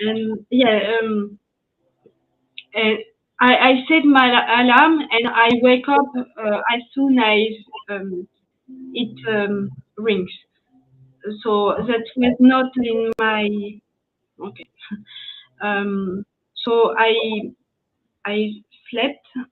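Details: French woman with post-stroke aphasia after an ischemic stroke at age 22 in 2011; she was mute for 10 days, had a year of rehabilitation, spoke very badly even in French, and is still recovering; speaking English here.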